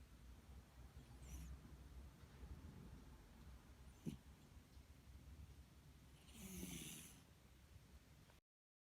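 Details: Cat asleep, snoring with soft snorting, rasping breaths likened to a pig over a low background rumble; snoring.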